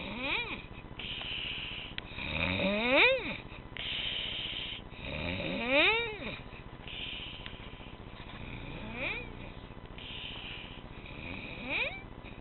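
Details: Squeaky snoring during a nap: high-pitched whistling sounds rising and falling with slow breaths, about 22 a minute, over a steady hiss.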